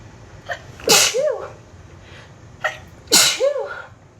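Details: Two loud sneezes in quick succession, each with a short intake before the burst and a voiced tail; a sneezing fit in a person whose allergies have been really bad this summer.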